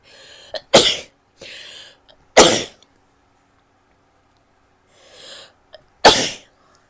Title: sneezing, a bit of coughing and nose blowing